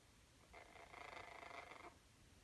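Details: Pet conure snoozing: a single soft, buzzy, raspy breath sound from the sleeping small parrot; bird snoring.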